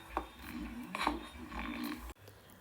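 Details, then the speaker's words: Normal peristalsis on abdominal auscultation: soft intermittent gurgles and clicks, normal bowel sounds. "Así suena un peristaltismo normal."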